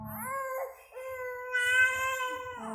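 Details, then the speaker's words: Infant or toddler with cough and cold, stuffy nose, crying during a baby-spa massage and steam treatment: sustained wailing cry with rising, strained pitch and brief breaks between cries. "Adik kok nangis aku ya, Mbak?"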